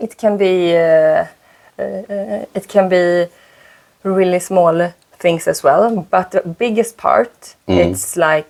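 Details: Stuttering in a 36-year-old woman whose stutter shows more under stress; she uses a speaking technique; repetitions are audible.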